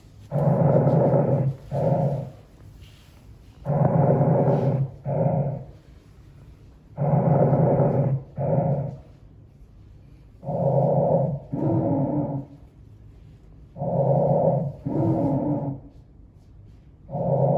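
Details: Soft, even breath sounds through a stethoscope over the posterior chest, about 18 breaths a minute, inhalation longer than exhalation; normal vesicular breath sounds.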